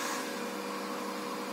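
Steady machine hum with a faint tonal whine and airflow hiss: a non-invasive ventilator running in test mode on a test lung.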